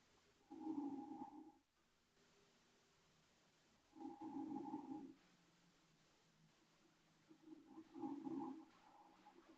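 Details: Adult woman (aunt) asleep: three loud, low, rattling snores, about 17 a minute, with quiet gaps between breaths; ordinary sleep snoring.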